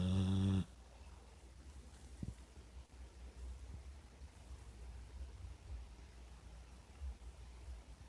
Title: My dog snores